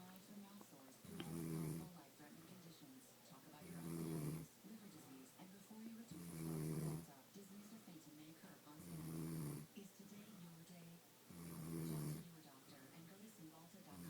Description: Woman Snoring Like a Man!!!